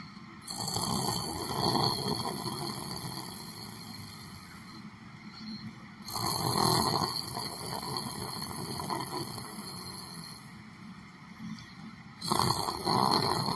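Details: Person sitting down and sleeping during meditation, snoring: loud, rough, rattling snores, three breaths roughly six seconds apart, about ten breaths a minute, over a hissy background.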